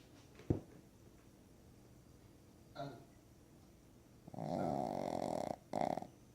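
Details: A dog's loud, rough, fluttering breath sounds, one long and one short, between soft noises in a quiet room: heavy snoring while asleep, with sleep apnea suggested.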